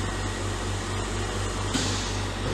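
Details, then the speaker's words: UL brand Elite model oxygen concentrator switched on for home oxygen use, with a steady low mechanical hum, airy hiss and a small click; flow then set to 5 litres per minute with a water humidifier. "আমি সুইচটা দিলাম plugin আগেই করছি আমার concentrator machine এখন চালু হবে আমার মেশিন চলতেছে"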